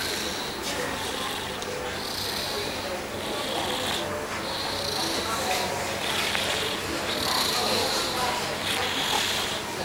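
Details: Sleeping baby girl after a baby spa massage makes soft, rapid, hissing snore-like breaths, about 45 per minute; infant snoring.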